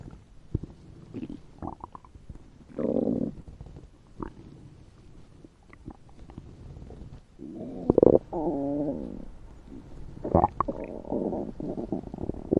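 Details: Simulated stomach rumbling from the animated robot character Bumblebee, whose "upset fuel tank" gurgles while he lies in a field: irregular gurgles, squeaks and longer rolling rumbles.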